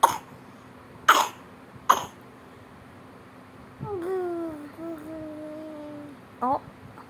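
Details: Baby girl with a common cold gives three short coughs, then a soft high whining vocal sound and a final brief cough.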